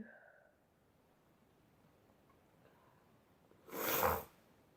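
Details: A quiet pause, then one loud explosive sneeze burst, from a sneezing compilation.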